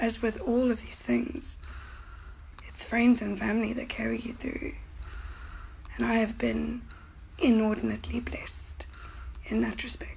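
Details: 37-year-old woman with idiopathic subglottic stenosis, scar tissue narrowing her airway to 2 mm, with a tracheostomy; vocal cords damaged, multiple surgeries, voice lost for two weeks; dysphonia with subglottic stenosis and tracheostomy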